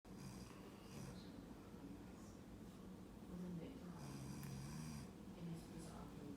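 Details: Adult man (father) snoring during sleep in a quiet room: low, rough, rattling snores rising and falling with each breath.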